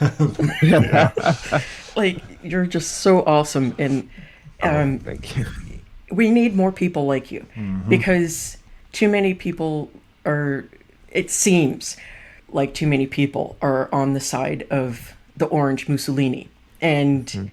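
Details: Adult speaker; typical speech.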